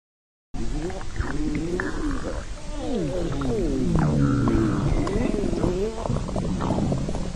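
Continuous low gurgling and rumbling with squeaky, gliding, whale-like tones rising and falling over several seconds: stomach growling (borborygmi).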